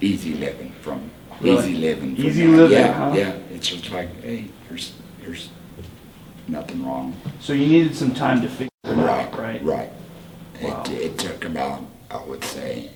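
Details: Tracheoesophageal speech in a 38-year-old man using a Provox voice prosthesis after total laryngectomy for cancer.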